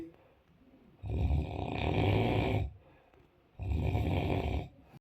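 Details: A man sleeping during a trip to Nathia Gali snores loudly enough to wake others in the room: deep rattling snores on each in-breath, with quiet pauses between.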